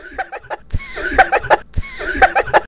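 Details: Several short, sharp coughs from an adult relative, with faint music and a repeating, edited feel.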